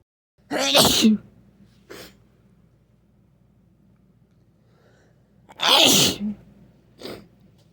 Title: 🤧 Snotty Cold Sneezes